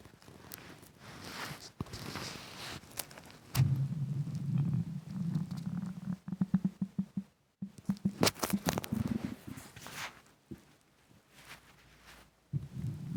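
Irregular low gurgling and bubbling rumbles with short popping bursts. This is normal stomach rumbling from hunger.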